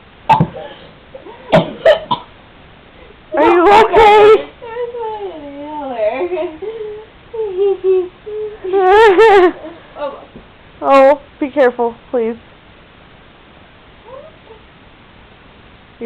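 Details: Woman's explosive sneezing fit, with another person coughing, talking and laughter from several people; sharp, forceful sneeze-like bursts mixed with coughs.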